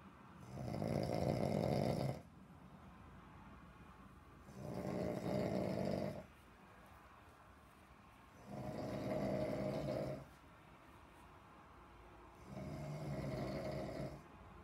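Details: Man snoring deeply: four long, evenly spaced rumbling snores in fifteen seconds (about 16 breaths a minute) over steady background hiss.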